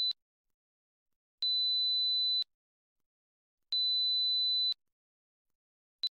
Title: 4000 hz Test Tone | Audio frequency - Hearing Test 4khz